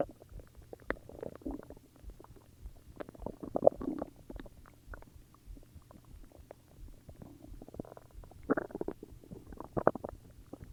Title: More stomach growls UwU